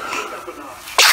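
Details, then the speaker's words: Infant daughter gives a single sharp sneeze after a second of quiet, a normal reflex, followed soon by a fart. "You're not having it, are you? Oh, sneezes."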